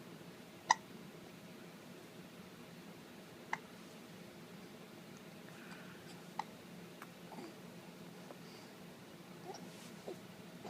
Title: got the hiccups